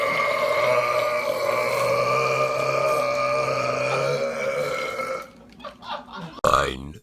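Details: Prolonged burping from a man: a long, loud, sustained belch of about five seconds, rough and tonal, followed by brief voices and a short sound.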